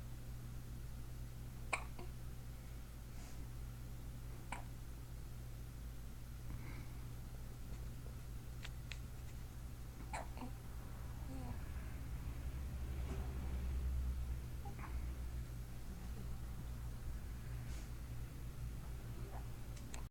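Soft, sharp hiccup clicks from an infant every few seconds in a quiet room; ordinary and harmless.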